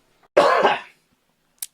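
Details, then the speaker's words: A man coughs directly into an unmuted microphone during a live broadcast, then apologizes: cough. "I hit the browser and left the mic unmuted and coughed directly into the into the mic"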